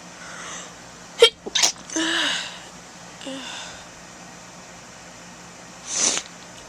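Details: Two or three sharp sneezes with breathy in-breaths, then a final aborted sneeze attempt, against low background hiss; sneezing.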